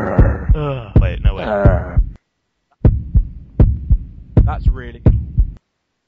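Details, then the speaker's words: Low, thumping heartbeats at about 80 a minute, somewhat uneven, with a voice humming over them; judged "the worst heartbeat" ever heard, going bump bump. "that's the worst heartbeat I've ever heard it's going bump bump"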